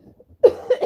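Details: Brief, low-pitched cough in two short bursts after faint quiet sounds, from an adult still recovering from an illness who says they are improving but still a bit snuffly.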